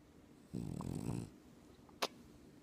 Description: Adorable loud snoring dog, sounds just like a man! Einar The Frenchie dreaming sweet dreams on dads chest! 😘💙😘💙